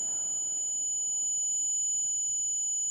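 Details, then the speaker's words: Simulated tinnitus: steady high-pitched whistling tones over faint room noise, often caused by noise trauma. "imaginez que vous ayez ce son dans la tête à plusieurs reprises dans la journée et même la nuit. Ça peut devenir un enfer."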